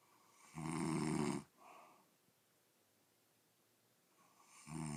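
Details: Second day of recorded snoring: a loud rattling snore on the in-breath, a softer snort after, a quiet pause, then the next snore beginning. Snoring.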